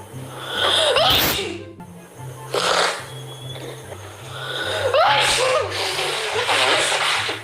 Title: Sneezing Fits - Espirros - Part 1 #sneeze #shorts #show #humor #videoengraçado #memes